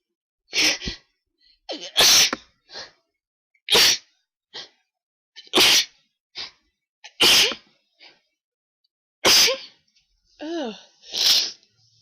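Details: Person with pollen allergy during an ongoing sneezing attack: a rapid run of about seven loud sneezes, each preceded by a quick catching inhale; a sneezing fit.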